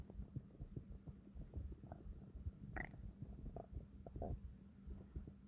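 Low, rumbling gurgles with a few higher squeaks over a steady hum; normal bowel sounds (stomach growling).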